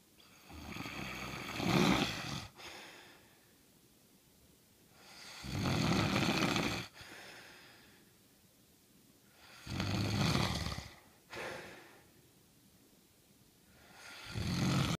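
Loud, rough snores on each breath in, with quiet pauses between, about 14 breaths a minute: snoring.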